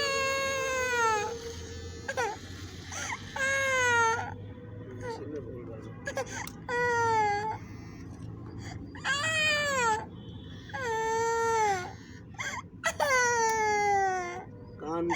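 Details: A young boy cries in repeated loud wailing bursts with sobbing pauses between them, over a low room hum, while his hair is cut; ordinary distressed crying.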